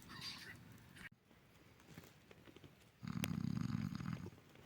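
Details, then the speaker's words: A man snores loudly at night while sleeping outdoors on a river rafting trip; a companion says he snores like a bear and the snoring fills the whole forest: snoring. "Но он храпит, как медведь, нахуй. Пиздец, я в лесу, нахуй, вот. Храп стоит, нахуй, на весь лес, нахуй."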